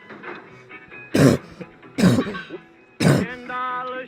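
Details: Coughing fit heard while playing a video game: cough.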